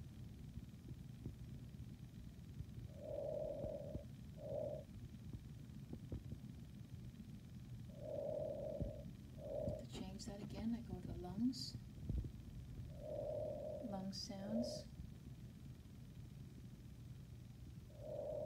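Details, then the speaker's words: Simulated normal breath sounds from a nursing manikin programmed via SimPad, volume amplified to maximum for recording: soft, steady cycles at about 12 breaths per minute, inhalation longer than exhalation; normal breath sounds. "lungs sounds up to normal once again this is amplified for video use normal breath sounds"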